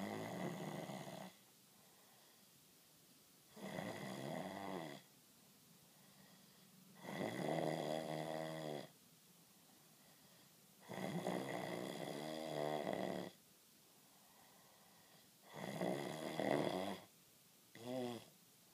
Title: Snore you bastard